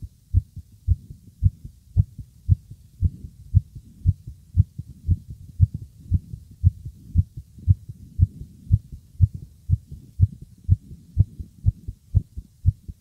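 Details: Adult male's heart heard with an ear on his chest, pounding and racing from nervousness: rapid, steady heartbeat at about 115 beats a minute; sinus tachycardia.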